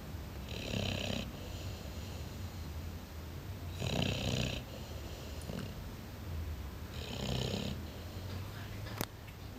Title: Napolitan Mastif snoring